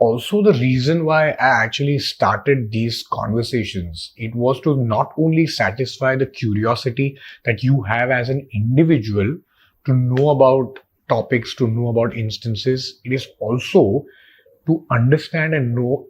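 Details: Adult male podcast host; normal speech.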